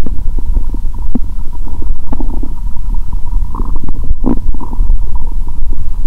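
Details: Adult's own abdomen after eating many Mentos with cola; she feels her belly swelling, then painful and distended: continuous low gurgling and bubbling with frequent rumbles; active bowel sounds.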